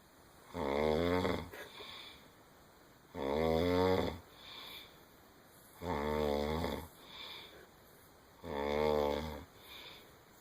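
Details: Older brother snoring: regular loud rumbling snores on each in-breath, each followed by a softer out-breath, about 23 breaths a minute. Snoring.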